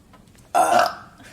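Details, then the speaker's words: Girl burping after drinking a whole drink and feeling bloated: a single short, voiced belch rising abruptly from quiet and fading out. "my stomach just feels like so much air bloated mhm me too oh don't burp on me what the heck"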